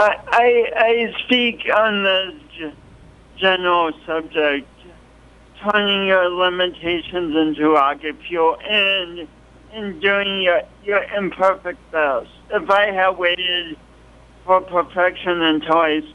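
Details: Adult man with a pronounced speech impediment and coordination awkwardness since an early, traumatic birth with loss of oxygen; dysarthria.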